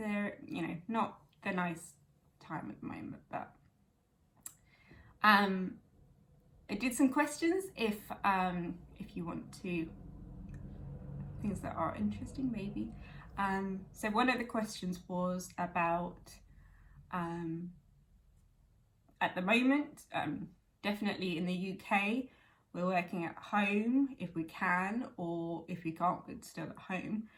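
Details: Young woman with chronic aphasia from a stroke at age 18, now 11 years post-stroke, speaking conversationally; aphasia.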